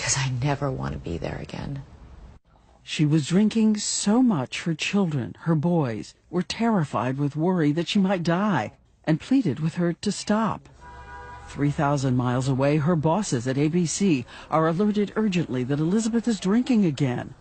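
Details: Adult narrator; normal speech.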